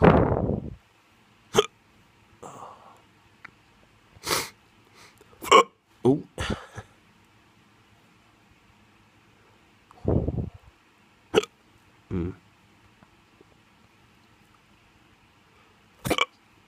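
Abrupt, sharp hiccups at irregular intervals, about eight in sixteen seconds, with soft murmurs between; hiccups.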